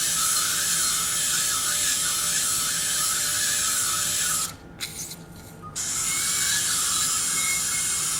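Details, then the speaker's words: Surgical drill removing residual exostosis from the inferior ear canal wall during transcanal revision tympanoplasty for severe tympanic membrane lateralization after several previous operations; continuous high-pitched whine with a brief pause. "okay so I need now to drill out the inferior part of the inter worldall because I think we have some exostosis residual exostosis on the right"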